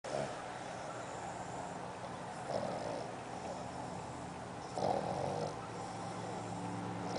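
Soft, rough breathing noises during sleep with a few louder snorting snores over steady room noise; snoring.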